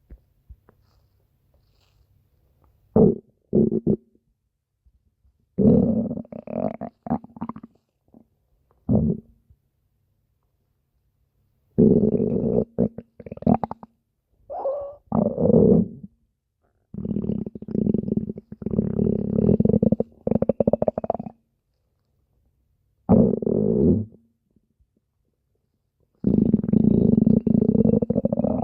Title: Spinel’s stomach growling (request) (READ DESCRIPTION FOR REQUESTS)